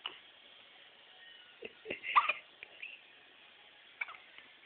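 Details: Pet with hiccups making cute sounds: short, sharp squeaky jerks repeating every second or so over quiet background; hiccups in a small animal.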